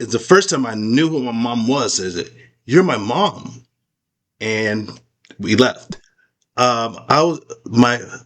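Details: Adult man with aphasia after a stroke; post-stroke aphasia.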